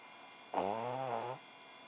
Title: Cavalier King Charles Spaniel Abbers Snoring Away!!!